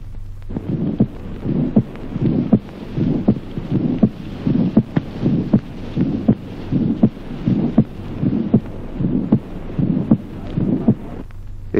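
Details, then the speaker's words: Accentuated second heart sound with simultaneous harsh systolic murmur of sclerosis: regular heartbeat near 80 a minute, loud sharp second sound and harsh murmur between beats. "Ejemplo 28. Accentuación del segundo ruido cardíaco, simultáneamente soplo sistólico áspero de esclerosis."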